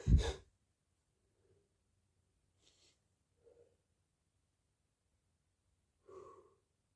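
One sharp sneeze burst at the start, followed by quiet breaths and a soft sigh in a small room.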